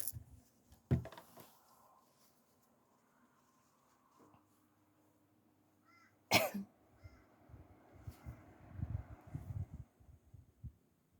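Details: Morning sneezes while still sleepy, with a tickly throat: two sharp, sudden bursts in a quiet room, followed by soft rustling and movement.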